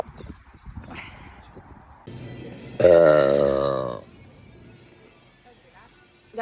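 One loud, sustained belch of about a second, with quieter talk and background music around it; burping.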